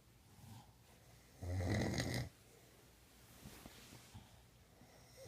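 A single loud, low rumbling snore lasting under a second, in a quiet room.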